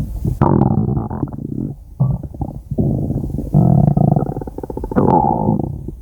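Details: Loud, drawn-out low growling and gurgling rumbles in several waves; ordinary stomach growling (bowel sounds) recorded from a woman's belly.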